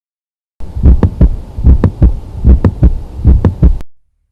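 Regular heartbeat near 74 a minute, with a sharp extra click just after the first sound in each beat: a systolic ejection click.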